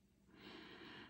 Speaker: If you have a bulldog, you understand. They snore so loud. So loud.